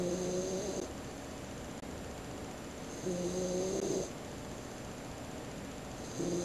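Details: 16-week-old puppy snoring on a bed, tired after a woodland walk: buzzing, slightly whistling tone on each breath, about 19 breaths a minute, over steady room hiss.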